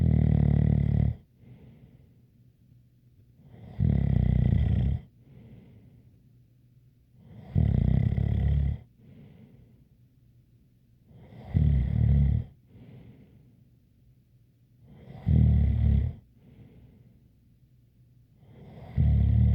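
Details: ASMR snoring recording: steady loud, low rattling snores about every 3.8 seconds, roughly 16 breaths a minute, with a faint whistle on the breath out; snoring with a light whistle.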